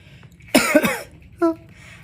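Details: Simulated, acted throaty double cough followed by a brief voiced sound.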